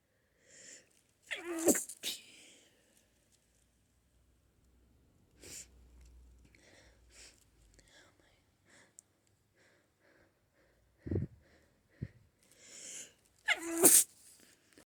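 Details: Sneezing fit attributed to allergy to flowers: a run of sharp, explosive sneezes with quick sniffs and soft breaths between them.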